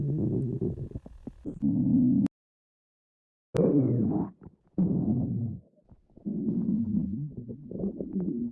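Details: Low rumbling, gurgling bursts with brief gaps; stomach growling (borborygmi).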